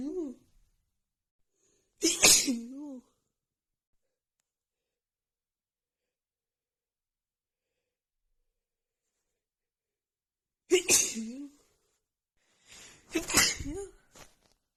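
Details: Several forceful sneezes in quick clusters, one then a group of three after a pause; a morning sneezing fit that the person puts down to seasonal allergies acting up just before spring.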